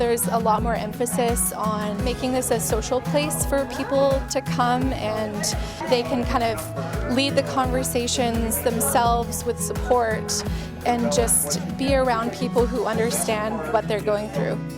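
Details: Adult woman speaking; normal speech.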